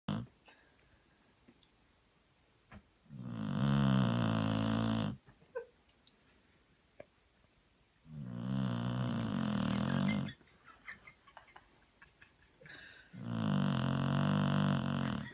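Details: Springer Spaniel dog snuggled up asleep on a sofa after a long walk, snoring: three loud, rough, rumbling snores about five seconds apart, each about two seconds long, with quiet breathing between.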